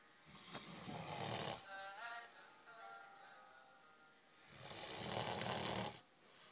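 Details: Adult man snoring while sleeping in a pitch-black camping hut: two long, rough, rumbling snores on the in-breath, separated by a quiet pause, faint music in background.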